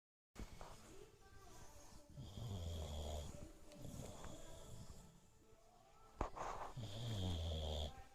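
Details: Sleeping dog snoring: low, rumbling snores on breaths in, with snuffly breaths out between them; two clear snoring cycles.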